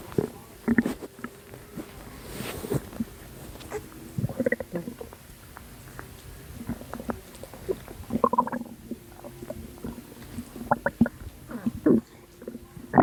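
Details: Postpartum woman's abdomen, with her stomach still not going down: irregular soft gurgles and watery bubbling pops over a quiet background; stomach rumbling.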